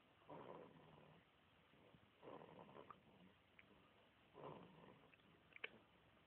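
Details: Snoring: soft, rough snoring sounds about every two seconds over low room noise.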